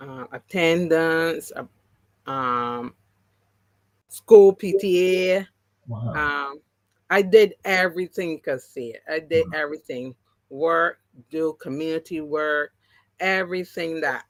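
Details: Adult woman with three strokes (2017, 2018, 2019); the first, haemorrhagic, took her speech and paralysed her right side; she relearned to talk, though some words will never return: aphasia, partially recovered, post-stroke.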